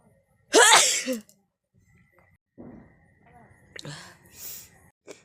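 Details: A loud, sharp sneeze, then quieter sniffs and breathy sounds in a quiet room, during a requested nose sneezing and blowing challenge in hot weather, with watering eyes from repeated sneezing.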